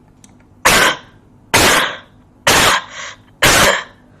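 Four short, sharp, dry coughs in quick succession from an adult with COVID-19; they sound much like ordinary coughs.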